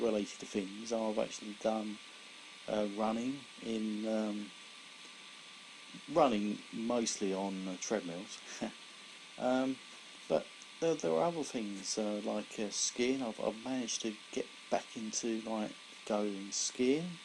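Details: Mild residual aphasia in an adult man 17 years after a severe stroke in February 2001 affecting his right side; after speech therapy he reports speech still slow, about 95% of what it was.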